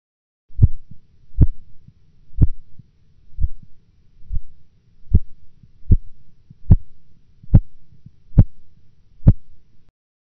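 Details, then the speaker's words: Blood pressure measurement by cuff auscultation: regular Korotkoff tapping near 70/min, systolic heard at 162 mmHg, then silence for about 4 mmHg before the sounds return stronger. This is an auscultatory gap. "In the following example, the systolic blood pressure will be heard at 162 millimeters of mercury, followed by an absence of sounds for 4 millimeters of mercury, after which they will reappear."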